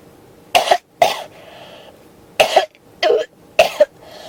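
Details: Five harsh coughs in quick succession in a quiet room, several with a double push, described as a cough that won't stop; persistent cough.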